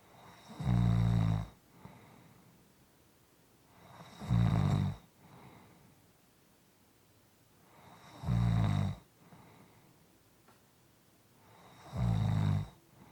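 Rhythmic rattling snores on each in-breath, about 17 breaths a minute, with quiet exhalations between; ordinary snoring.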